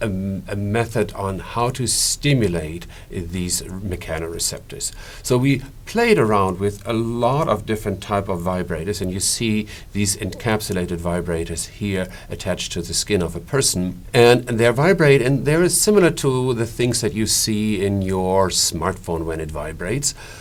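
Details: Adult male speaker; typical speech.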